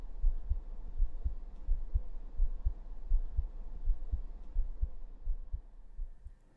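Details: Soft, low, regular heartbeat thumps at about 85 beats a minute with a faint hum behind, heard through a stethoscope on the bared chest, in a role-play nurse vitals check of a tired, sleepless student.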